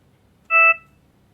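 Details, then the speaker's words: Single short, clear electronic beep in a quiet room as start ventilation is pressed on a Trilogy Evo ventilator with passive circuit, beginning bi-level non-invasive ventilation (BiPAP) at IPAP 15, EPAP 5. "if this is what i wanted for my patient all i'd have to do is press my start ventilation button"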